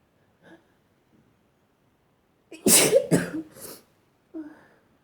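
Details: Person sneezing: a faint in-breath, then a loud, forceful wet sneeze with a quick follow-up burst and a soft exhale.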